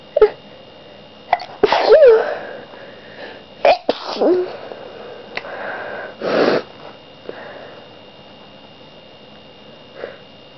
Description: I'm continuing to be sneezey.